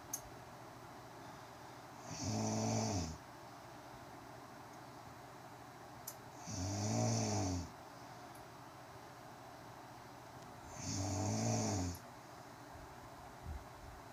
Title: My girlfriend snoring just listen